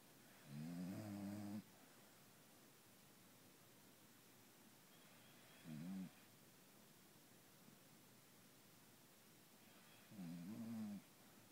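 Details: Beagle snoring: three low, rattling snores about every five seconds, separated by quiet breathing; snoring.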